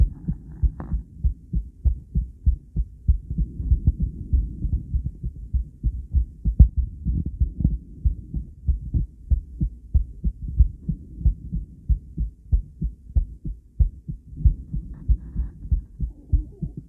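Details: Ultrasound Doppler of a female heart: steady, regular whooshing heart thumps at roughly 90 to 95 a minute; normal heartbeat.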